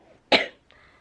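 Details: Single short, forceful cough from an adult man with cystic fibrosis, in a quiet room, while waiting at a grocery pickup; he reports being tired of coughing, with normal white blood cell count on follow-up blood work.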